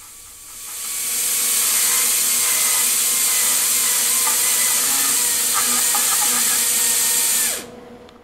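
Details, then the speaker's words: Steady high-pitched whine for about six seconds, then spinning down: high-speed drill with a 6835 diamond reducing cusps for about 2 mm occlusal clearance on extracted tooth #4 in a typodont, during MOD direct composite onlay preparation. "the objective here is to keep removing the cusps until we have approximately two millimeters of occlusal space for the composite"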